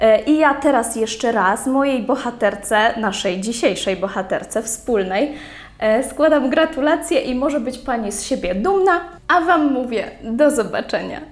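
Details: Adult woman speaking Polish; normal speech.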